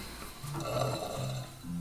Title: Super burping